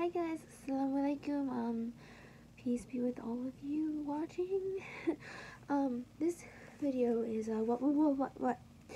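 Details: Female with Tourette syndrome for almost ten years, diagnosed in ninth grade; the repeated "what" is a vocal tic she has had since age 14; vocal tic (word repetition) in Tourette syndrome.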